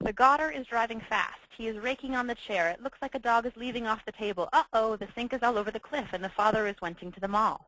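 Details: Demonstration of Wernicke's (fluent) aphasia after stroke, shown for stroke patient education.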